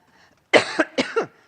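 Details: Woman losing her voice during a conference speech: a coughing fit.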